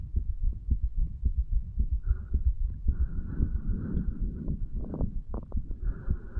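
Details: 35-year-old man, recorded over the tricuspid area; recorded under the effects of medical marijuana and nicotine: steady, fast, muffled heartbeat, about 110 a minute, with some rubbing and hiss; ordinary heart sounds.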